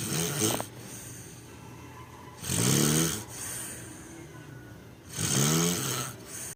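Loud rattling snores on each breath in, about 23 per minute, with quieter breathing out between; ordinary snoring.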